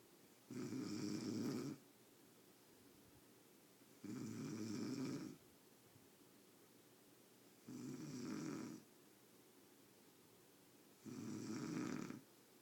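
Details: Four loud, rough, rattling snores, about 17 a minute, each over a second long, separated by quiet, in deep sleep; steady snoring.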